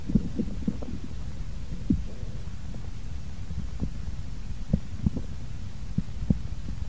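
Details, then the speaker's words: Korotkoff sounds heard during a blood pressure measurement demonstration with a cuff, listened to quietly. "setelah suara terakhir terdengar sekarang coba dengarkan dengan tenang bunyi korotkoff"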